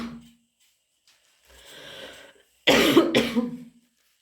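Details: Cough from a person with a cold, possibly lingering from one caught two weeks earlier: a brief throat sound and a sniff-like breath, then two harsh, loud coughs in quick succession.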